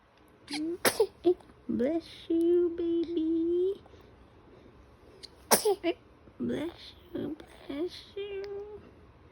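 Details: Baby awake at 3:30 am coos and babbles, then gives two sharp little sneezes while smiling; ordinary infant sneeze.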